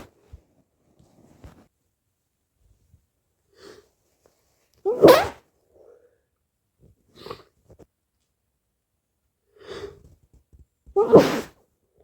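Quiet room with a few soft catching breaths, then two loud explosive sneezes among smaller snorts and sniffs; an ordinary sneezing fit.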